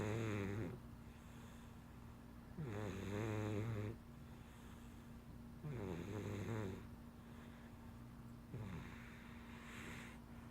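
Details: Sleeping cat under a blanket, said to have giantism or acromegaly: regular buzzing snores, about four breaths near 20 a minute, over steady background hum; snoring.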